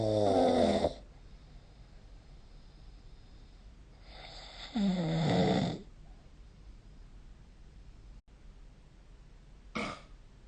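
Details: Loud, harsh, rattling inhaled snores about every four to five seconds with quiet breathing between, typical adult snoring recorded with the SnoreLab smartphone app.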